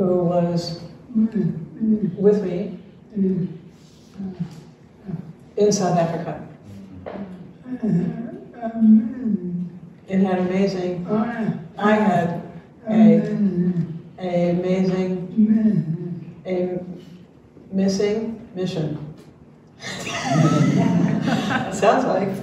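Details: Dysarthria in ALS (diagnosed late 2021) in a man, retired pediatrics professor; his jaw trembling is neurologic clonus, not crying, per his wife, who translates for him.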